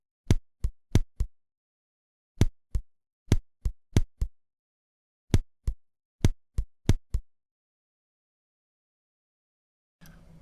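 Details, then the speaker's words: Simulated auscultation of ventricular trigeminy: two sinus beats, then an extrasystole and a post-extrasystolic pause, repeating; heart sounds in threes with a longer pause. "теперь тригеминия два синуса сокращения сердца потом экстрасистола после неё посто экстрасистолическая Пауза и так всё время повторяется слушаем"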